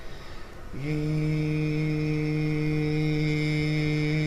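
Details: 71-year-old man with right vocal fold paralysis after glomus jugulare resection; breathy weak voice with short maximum phonation time, sustaining a vowel about five seconds.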